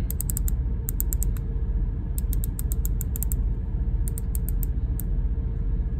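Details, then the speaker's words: Bursts of sharp, quick clicks over a steady low hum as the dose dial of a Saxenda (liraglutide, not insulin) pen is turned to dose 3 by an adult man with type 2 diabetes, before injecting near the belly button. "all you have to do is whatever dosage it is I'm on three so you want it all the way to three"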